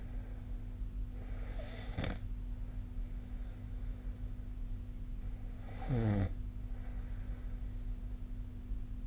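Two brief snorting snores a few seconds apart during sleep, over a steady background hum.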